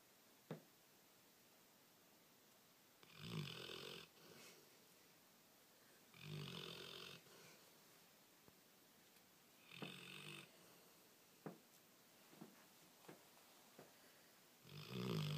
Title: Snoring